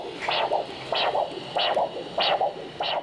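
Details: Regular whooshing pulses, about 94 a minute, each a sharp surge then a softer second sound, handheld Doppler with gel over dorsalis pedis/posterior tibial artery of a rested supine patient during ankle-brachial index measurement: normal arterial signal.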